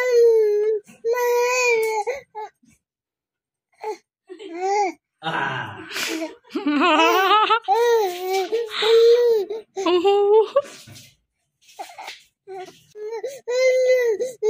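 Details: Baby boy fake crying then laughing: short, whiny cry-like vocal bursts with pauses shifting to playful giggles, not distress crying.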